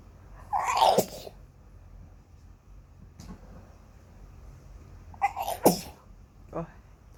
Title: Ah.. My nose (Wanna sneeze so bad)